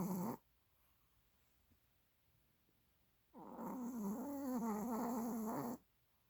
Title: snoring